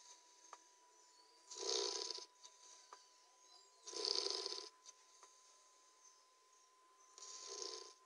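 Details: Three hissing, rattly breath noises about three seconds apart over a faint steady tone: snoring in a sleeping 3-month-old Labrador puppy.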